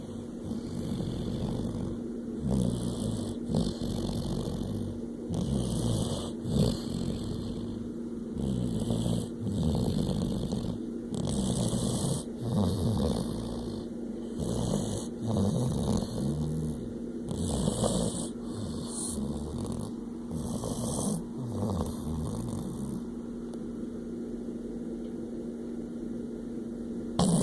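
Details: Snoring during sleep: rough, rumbling, irregular breaths at about 20 a minute over a steady background hum.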